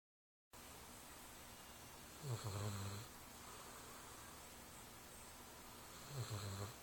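Two low, rumbling snores about four seconds apart over steady room hiss; ordinary dog snoring.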